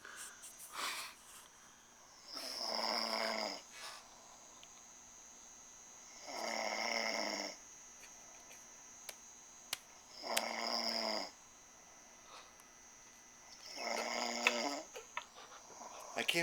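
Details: Male caught snoring while asleep: rattling snores on each inhalation, about 16 a minute, separated by quiet exhalations; faint room hum and clicks. The person filming tries to wake him.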